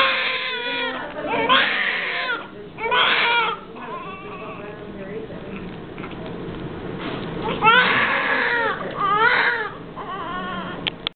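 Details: Newborn baby girl in her first hour of life: repeated high, wailing cry bursts with short breaths between, faint room noise and quiet adult talk; normal newborn cry.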